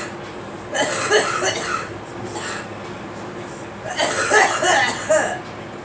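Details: Two short bursts of harsh coughing from a girl, separated by a brief pause.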